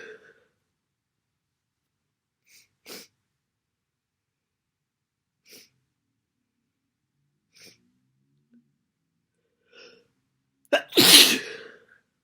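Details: Quiet sniffs and breaths, then one massive, loud, wet, explosive sneeze during a cold.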